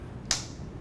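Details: Single sharp, crisp click of a transcranial magnetic stimulation coil delivering one pulse over the right motor cortex of a lying subject during a live demo mapping the motor homunculus by evoking leg and arm movements.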